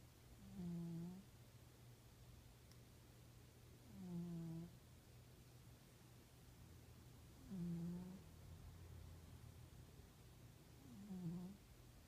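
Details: Male pet cat snoring: regular low, slightly tonal snores on each breath, about 17 a minute, with quiet gaps between; steady sleep snoring.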